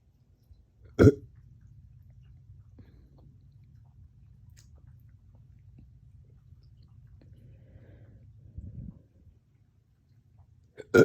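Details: Painful hiccup-burps that hurt the chest, onset after a dog walk and drinking water too fast, short-lived; two abrupt deep gulping hiccups with a softer low belch between them over low hum; hiccups with belching.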